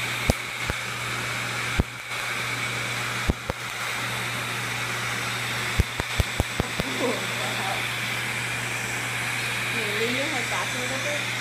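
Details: Laser tattoo removal treatment on an Angry Birds tattoo: steady loud rushing cooling air with low hum, broken by sharp snapping laser pulses, some in quick runs; brief voices near the end.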